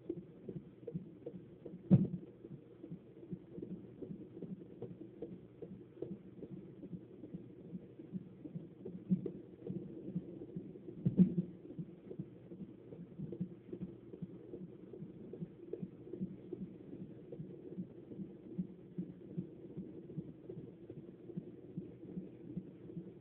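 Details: Fetal heartbeat on Doppler: rapid, regular whooshing beats at about 150 a minute, normal fetal heart tones.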